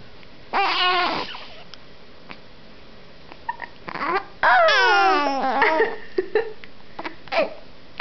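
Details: Baby with hiccups: short infant cries and fussy vocal bursts with quiet gaps and small catches between; ordinary infant cry in a quiet room.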